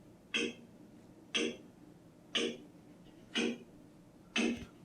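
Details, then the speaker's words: Extracorporeal shock wave lithotripsy (ESWL) for a urinary stone: shock waves are focused by a reflector onto the stone; sharp snapping bangs, one per second, five in all. "그래서 몸에는 크게 데미지를 주지 않고 돌 쪽에 충격파를 모아서 깨게 되는 [음악] 겁니다 소리 들리시죠 빵 빵빵 이게 여기 충격파가 탁 터지는"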